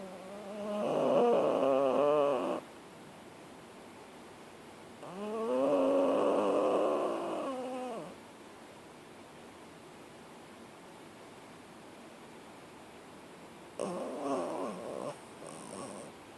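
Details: A puppy sleeping on a lounge on a lazy afternoon gives slow, drawn-out snoring breaths, about one every five seconds, with quiet pauses; owner jokingly wonders about sleep apnea.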